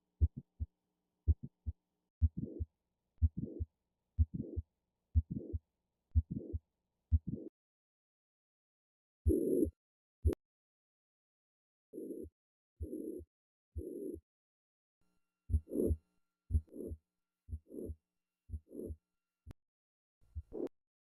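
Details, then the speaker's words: Simulated mitral valve prolapse sounds near 60 a minute: several midsystolic clicks introduce a short, high-frequency late systolic murmur that crescendos into the second sound. "Our patient has several midstolic clicks that introduce the murmur. The murmur crescendos into the second sound and is high frequency."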